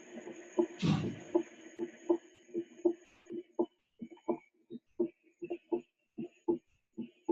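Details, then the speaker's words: Regular paired heart sounds, lub-dub, about 80 a minute: normal first and second heart sounds. "Entonces escuchen esto. Ahí van a escuchar primer y segundo ruido normal."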